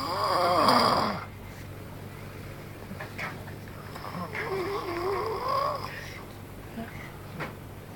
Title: snoring dinosaur